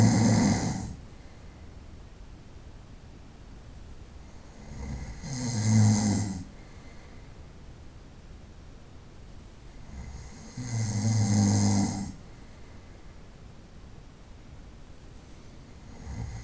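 Loud, rough snores repeating about every five seconds, roughly 11 a minute, with quiet hiss between them.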